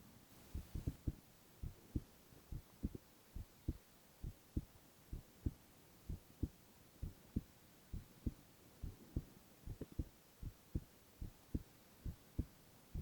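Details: Boy's heart sounds, ASMR recording: steady paired heartbeats at about 67 a minute with no extra sounds; normal heart sounds.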